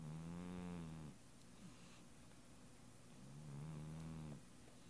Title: Miss Kitty: Snoring